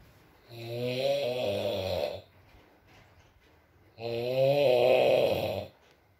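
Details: Sleeping adult man: two long, deep, buzzing snores with quiet pauses between, in an ASMR recording; snoring.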